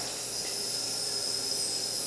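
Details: Steady high-pitched hiss of a running nebulizer producing mist, in a respiratory therapy demonstration of medication delivery devices by an asthma educator.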